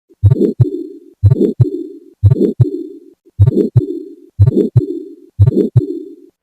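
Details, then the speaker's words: Steady heartbeat at about 60 a minute, each beat followed by a prolonged rough whooshing murmur; abnormal heart sounds of a patient on hypertension pills for 10 years, diabetes medicines for 20 years, recently on insulin. "जो आवाज़ आप सुन रहे थे ये थी दिल की आवाज़, एक हार्ट पेशेंट की दिल की आवाज़।"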